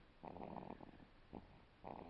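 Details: One-month-old baby boy sound asleep after screaming earlier, snoring hard: rough, rattling noisy breaths in short bursts with a brief snort.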